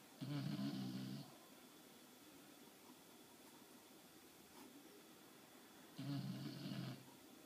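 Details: Two loud rattling snores about five seconds apart from a sleeping dog in a quiet room; ordinary snoring.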